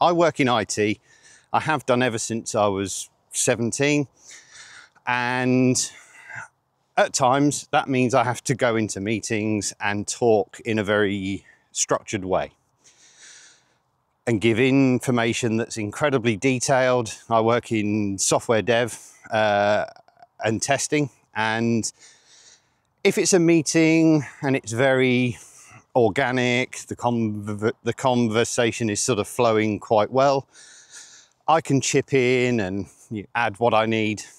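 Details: 47-year-old man with stuttering (stammering) since age eight, which he rates as milder than many people's and says worsens under pressure.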